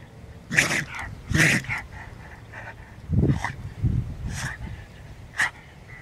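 A dog gives several short, sharp nasal bursts in a row: repeated sneezing.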